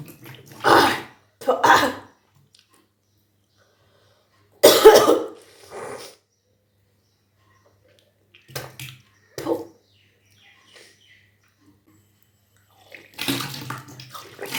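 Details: Kunjal kriya, a yogic cleansing practice of deliberately vomiting drunk water: several forceful retching heaves with gagging and throat noises, separated by pauses; induced retching and vomiting.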